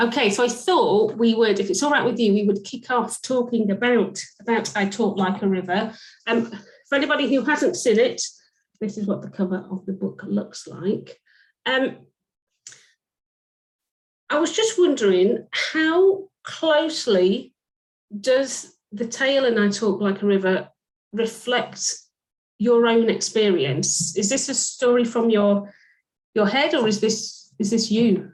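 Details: Adult woman speaking; fluent speech.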